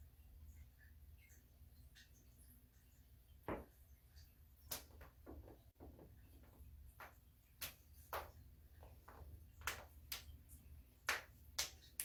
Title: loud back crack and more joints cracking compilation